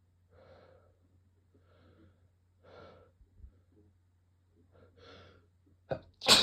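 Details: Induced cold sneeze: several soft breathy inhalations build up, then a sharp explosive sneeze burst at the end.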